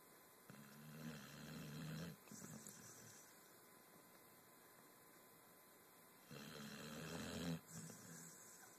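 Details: Two-year-old female Pitbull: two long, low, rattling snores on breathing in, separated by quiet breathing out, in a small quiet room; dog snoring.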